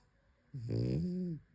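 One long, low, rumbling snore, typical of a flat-faced dog's noisy breathing in sleep.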